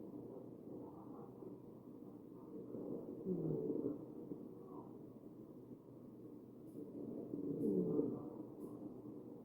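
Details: Real ventilated patient, chest auscultation recording; wheezing.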